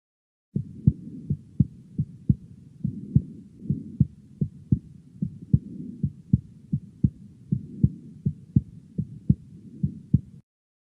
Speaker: this often sounds a bit like dub so let's have a listen again to what that sounds like and see whether you can distinguish a third heart sound after the second heart sound